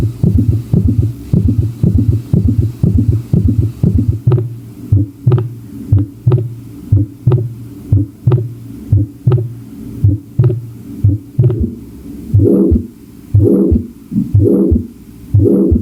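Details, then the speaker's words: Systolic murmur in a teaching demonstration of systolic murmur variants: regular heartbeat about 60 per minute with a noisy sound filling the gap between the two heart sounds. "bueno en en el video nos mostraban pues las algunas variantes tanto de soplos sistólicos decir que ahí está la válvula aórtica acústicamente ahí se escucha bien"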